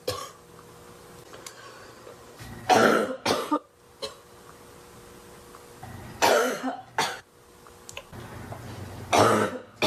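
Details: Barking cough.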